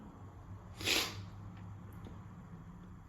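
A single sharp, hissing burst of air through nose and mouth, a sneeze during a cold.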